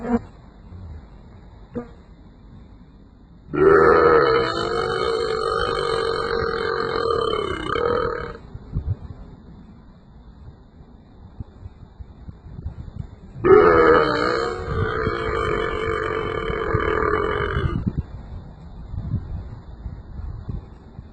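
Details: Man deliberately burping at cows outdoors: two long, loud, drawn-out belches, each about four to five seconds, with quiet outdoor background between them.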